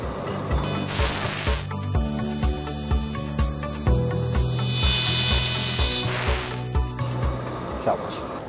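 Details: Excimer laser firing on the second eye during flapless Wavelight Plus InnovEyes laser specs removal, the patient fixating on a green light; rapid steady clicking pulses with a high whine and hiss; a protective lens is placed afterwards.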